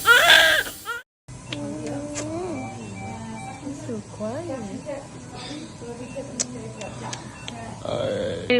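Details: Rising and falling cry of a newborn just after delivery by C-section, done because his heart rate couldn't tolerate labour after low amniotic fluid was found; music plays in the background.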